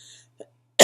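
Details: Acute bronchitis cough in a chronically ill adult with asthma complications, on prednisone: a faint tone and a brief soft sound, then one abrupt loud cough burst cut off at the end.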